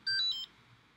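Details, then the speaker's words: Root canal on a female patient's cracked tooth: short high beep pattern from an apex locator as the file enters the canal, found by following developmental grooves, marking the MB2 canal location. "right there. That's the Apex locator dying. So that's where MB2 is."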